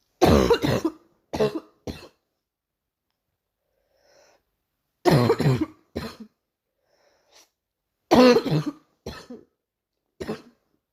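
Three bouts of coughing, each a loud cough followed by one or two shorter ones, with silent pauses between; a recurring morning cough.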